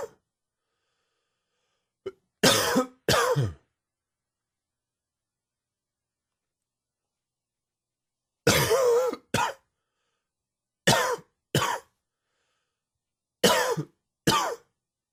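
Four paired bursts of harsh coughing separated by silent pauses, an allergy-triggered coughing fit.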